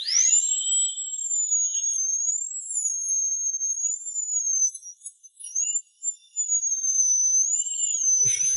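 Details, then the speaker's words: Steady, piercing high-pitched whine with slightly wavering pitch, briefly dropping out: high-speed dental drill splitting a horizontally impacted wisdom tooth buried in gum and alveolar bone, under anesthesia. "you don't feel the pain But you can hear the drill You can feel the vibration of the drill. The whole head is buzzing"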